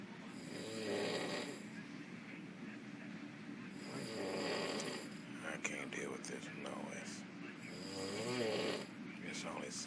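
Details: Man asleep on a cruise ship, covered up: loud, rumbling snores on each breath in, about 16 per minute, faint voices behind; ordinary heavy snoring.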